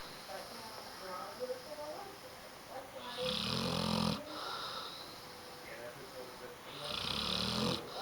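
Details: Sleeping 1-year-old Great Dane/pit bull mix dog: two rough, rattling snores on slow in-breaths, with quiet breathing between.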